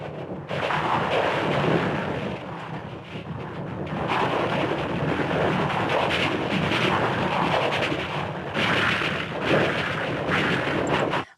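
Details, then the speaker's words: Cochlear implant hearing simulation of a Beethoven sonata as heard with profound hearing loss: harsh, noisy rumbling bursts without clear notes; timing and loudness differences are preserved while pitch and spectral tone color of the music are lost. "At the beginning it looks very awful but if you put attention into the signal the timing is very well preserved and the difference in energy are also uh are also preserved but obviously the spectral component the color of this music is uh unfortunately uh lost."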